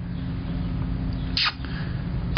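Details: Rescue dog with a sinus infection while recovering from parvo, in poor health when adopted, gives one short, sharp sneeze against a steady low background hum.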